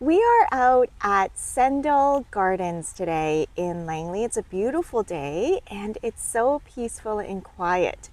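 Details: Adult woman speaking; normal speech.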